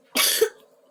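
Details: Cough from a young girl: a single short, explosive cough with a sharp onset and a brief voiced catch at the end, in a quiet room.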